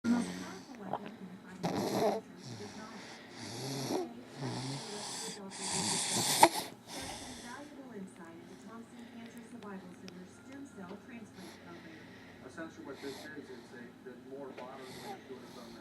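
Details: Baby asleep on a parent's shoulder, giving rough, noisy snoring breaths, louder at first and then softer, with faint talk in the background; snoring.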